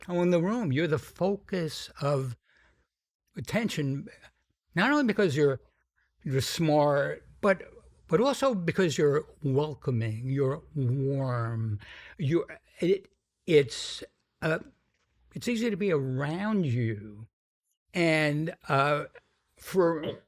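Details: Adult man with a self-described, sometimes noticeable stuttering that he says varies in severity; described by the host as a pretty strong stutter; stuttering.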